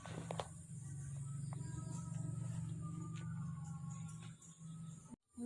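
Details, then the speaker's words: Normal fetal heart sounds checked after a uterine contraction in a mother in labor with full cervical dilation: a steady, rapid, pulsing whoosh of the fetal heartbeat on a monitor, within normal limits. "Memeriksa denyut jantung janin setelah kontraksi uterus selesai. Pastikan DDJ dalam batas normal."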